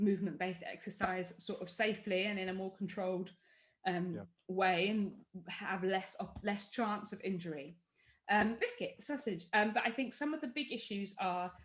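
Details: Adult woman with Tourette syndrome, with involuntary vocal tic words interrupting her speech and motor tics including chest banging; vocal tics (Tourette syndrome).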